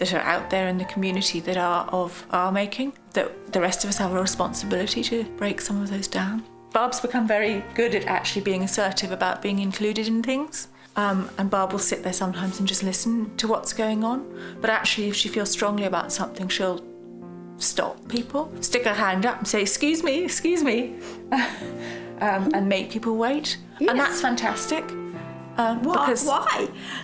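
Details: Adult woman speaking; normal speech.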